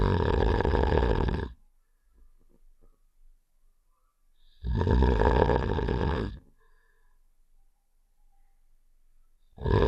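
Two long, rough, rumbling snore sounds separated by quiet pauses; a game sound effect of snoring.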